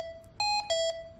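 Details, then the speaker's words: Hamilton T1 ventilator service test: two-tone electronic alarm chime for low expiratory minute volume, triggered by setting the alarm limit above the measured value after 10 alarm-free breaths on a demonstration lung. "Verify that the low minute volume alarm is activated."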